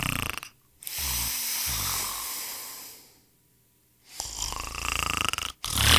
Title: SONIDOS DE RONQUIDOS | SNORING SOUNDS